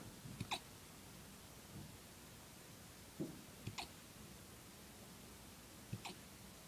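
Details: Puppy hiccups: soft, brief, jerky hiccup sounds in small pairs several seconds apart over steady background hiss.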